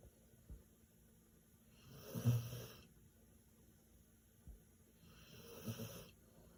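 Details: Two slow, rumbling snores about three seconds apart from a sleeping dog, with quiet gaps between breaths; very loud snoring.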